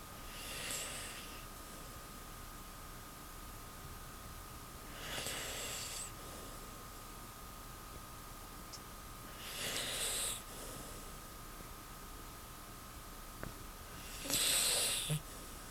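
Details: Sleeping Beagle dog snoring: soft, breathy snorting breaths about every 4–5 seconds, roughly 13 a minute, over a steady background hum.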